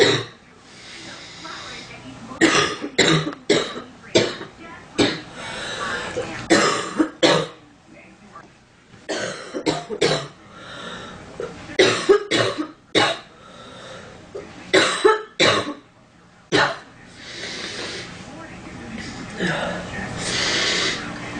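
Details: Girl with itchy nose and stuffiness in cold weather: about fifteen short harsh coughs in bursts, mixed with throat clearing and some speech; recurrent cough.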